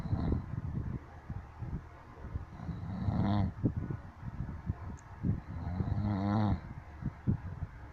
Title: SNORE KING!